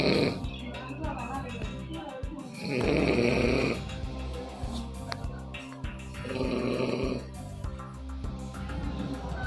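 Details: Adult male village administrative officer asleep seated in his office chair during work hours, reportedly drunk: two loud, rough in-breath snores over background music; snoring.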